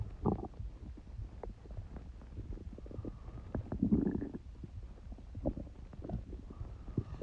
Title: Stomach noises while I have a cold